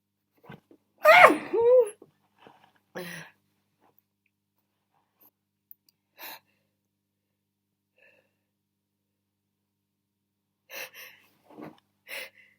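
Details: Muffled sneezes, with the sneezer wondering whether muffling changes the pitch: one loud sneeze followed by several short, stifled sneezes, some not muffled successfully; sneezing.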